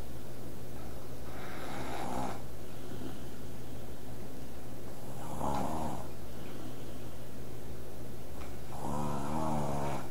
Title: Snoring loud lol